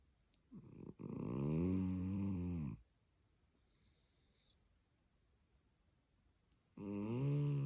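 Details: Sleeping dachshund snoring: long, low, buzzing rattles on the in-breath with quiet pauses between them.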